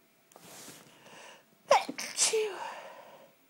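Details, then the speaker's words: Two or three sharp, explosive sneezes in quick succession, each preceded by a short in-breath, after a sneeze kept going away; an ordinary sneezing fit. "I need to sneeze and it keeps going away. Really annoying."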